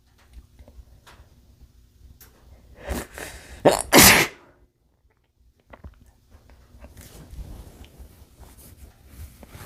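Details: Male sneezing into a bandana: short build-up of breaths, then a sharp, muffled sneeze burst, followed by quiet breathing and rustling.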